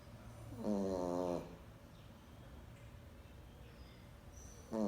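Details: A sleeping pet Boston terrier makes a loud, rattling snore on the in-breath, followed by a quiet pause and the start of another; ordinary snoring.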